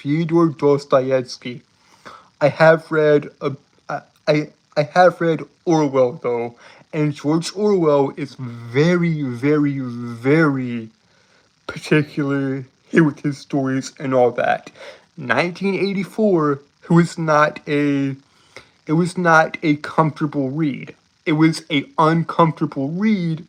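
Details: Adult male streamer with a self-reported speech impediment that makes him stutter and trip over his words; audible repetitions; stuttering.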